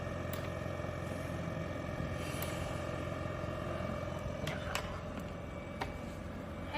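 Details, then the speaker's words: Yuwell Spirit 3 portable oxygen concentrator in pulse-dose mode, releasing oxygen with each user inhalation as an indicator light flashes: steady low motor hum with faint whining tones and soft clicks or puffs. "ลาโดสคือปล่อยออกซิเจนออกมาตามจังหวะการหายใจเข้าของผู้ใช้งานนะคะ"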